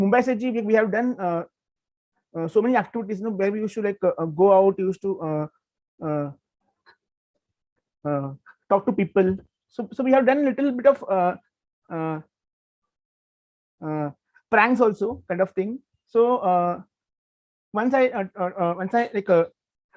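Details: Stuttering (stammering) in a man who describes himself as a person who stammers.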